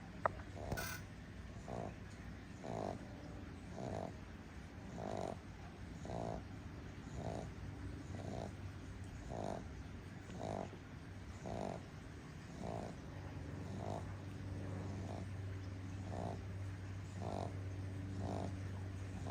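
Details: Sleeping flat-faced puppy napping outdoors, tired after a long walk: steady, rhythmic snorting snores under constant outdoor background hum.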